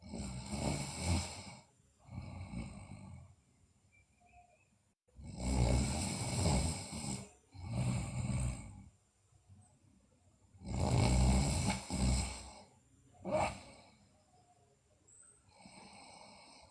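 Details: Sleeping girl, also noted with bruxism and delirium: loud, rough snoring on each breath in with quieter noisy breaths out, about 12 breaths a minute; snoring.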